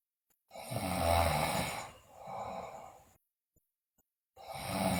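Harsh, rattling breath sounds repeating with each slow breath during sleep: loud snoring from vibration of the soft tissues of the upper airway.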